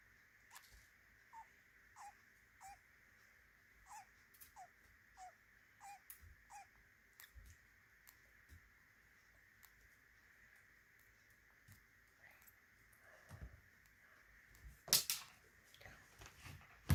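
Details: Two-month-old budgerigar, three days in its new home, with noisy breathing heard briefly each day, seemingly when people look in; soft, regular squeaky clicks with each breath, about 30 a minute, and faint chirps; owner wonders whether stress or illness.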